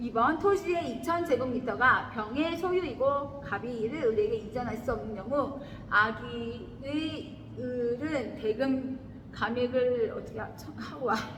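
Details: Adult woman; sleep talking (somniloquy).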